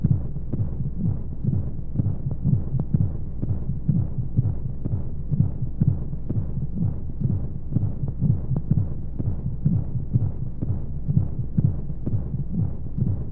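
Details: Womb-sound baby sleep aid with white noise: muffled, steady low heartbeat thumps at roughly 60 paired beats a minute under a soft whooshing flow hum, as heard from inside the womb; heartbeat.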